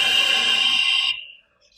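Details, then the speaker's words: Veterinary anesthesia machine oxygen flush valve pressed, bypassing the flow meter and vaporizer: a loud, high-pitched hissing rush of gas for about a second delivering very high oxygen flow into the breathing system, then stopping. "like a very high flow of oxygen which is what it is so what happens is when I push this it opens a valve which allows the option to bypass the flow meter and bypass the vaporizer"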